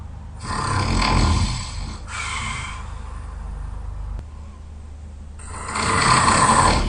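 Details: Very tired person, loud snoring during sleep: rough, rumbling snores on each breath in, with quieter breathing between.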